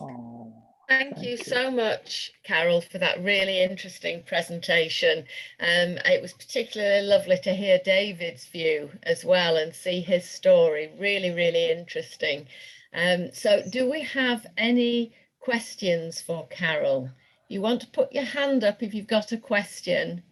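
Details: Adult woman speaking; normal fluent speech.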